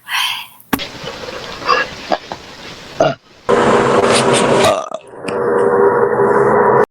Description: Girls Burping girl burp girls burping loud.